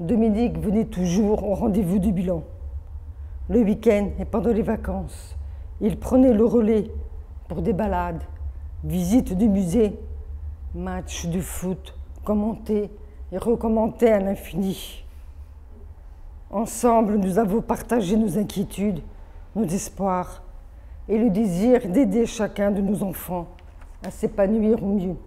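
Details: Adult woman born deaf with over 80% hearing loss from maternal rubella, hearing aids from age 7, oral education, speech therapy from age 2 through middle school plus phoniatric voice work, hears own voice poorly; deaf speech (congenital severe hearing loss).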